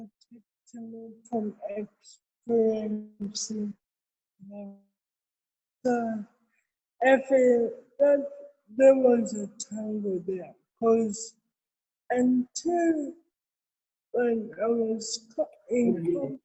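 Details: Adult woman with cerebral palsy present since birth, real speech in an interview; dysarthria in cerebral palsy.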